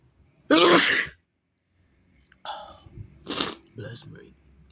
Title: i need to let them out! big sneezes pt. 1 (he/they)